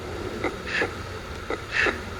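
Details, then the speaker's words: Heart murmur played during a live TV explanation: two slow heart cycles, each with a soft blowing whoosh between the "tum" and "tá" sounds, the noise that gives the murmur its name. "O sopro, entre o tum e o tá, aparece um barulho que parece um sopro, por isso que ele leva esse nome."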